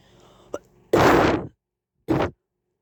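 A short throat click, then two explosive coughs, one long and one brief; a plain cough.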